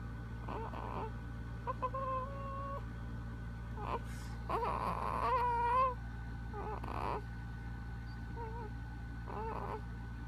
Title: Baby Making Sounds While Sleeping at 7 Weeks